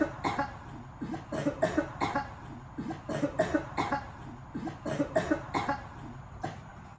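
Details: Repeated short coughs in clusters, roughly 34 per minute, with room noise; ongoing cough associated with swimming.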